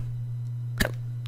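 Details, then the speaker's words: Single sharp hiccup from a person narrating a video game, over a steady low hum; he mentions repeated irritating hiccups. "a way you need to be sorry if I've got hiccups if you could hear that"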